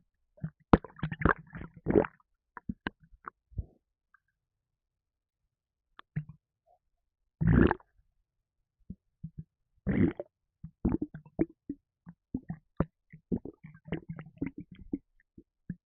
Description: that can of red bull energy drink caused serious havoc in my stomach and made me gassy!